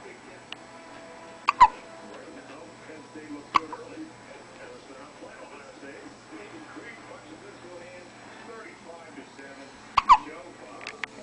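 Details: A baby who often gets hiccups, hiccuping while being filmed: several sharp, abrupt hiccup clicks, some in quick pairs, over quiet background talk and music.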